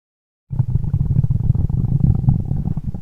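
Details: Stomach growling (borborygmi).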